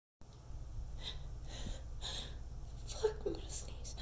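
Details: Quick, repeated inward gasping breaths building toward a sneeze that never comes, the nose tickling but worn out; steady low room hum.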